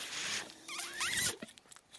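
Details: The speaker's own mechanical ventilator, audible during podcast speech; mechanical ventilator sound.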